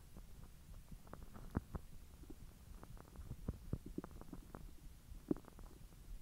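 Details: Bowel sounds recorded after eating hotdogs following 10 hours with a completely empty stomach: quiet gurgles and irregular low rumbles from the belly during digestion.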